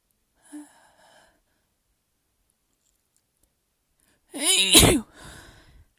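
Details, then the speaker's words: Induced sneeze: a faint early breath, then a loud voiced build-up and explosive burst, followed by a softer trailing breath. "nose is flaring. It's so tickly. Hey!"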